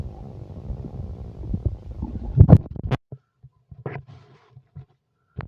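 Low rumbling and gurgling, louder in the first three seconds and then in short bursts, typical of ordinary stomach growling.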